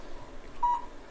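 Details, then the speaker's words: Single short steady beep from a cold (low-level) laser therapy device, signalling it is on, during treatment of plantar fasciitis of the foot to break up fascial adhesions. "Beautiful thing about this technique is you can hear the machine beeping. We know it's on."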